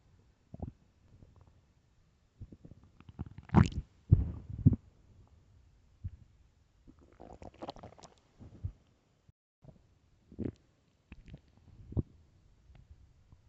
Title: extremely LOUD stomach growls (morning)